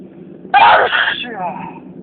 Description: Today I had a very intense and loud sneezing fit...enjoy